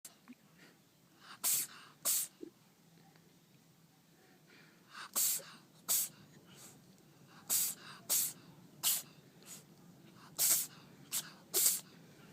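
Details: Repeated short, sharp, hissing sneezes, a dozen or so in a few seconds, some in quick pairs, from a pet cat; sneezing.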